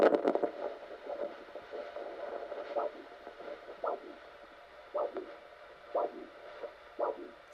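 Regular pulsing whooshes over faint hiss, about 60 a minute: a normal foot pulse picked up by handheld Doppler.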